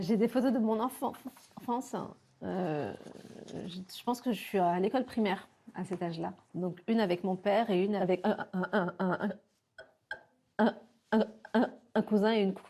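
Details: 40-year-old woman who has stuttered since childhood, from when she started school; real speech showing stuttering.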